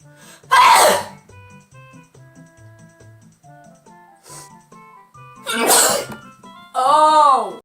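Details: Several forceful sneezes in quick succession over soft background music, from an allergy-prone person during a 30-second sneezing fit; sneezing.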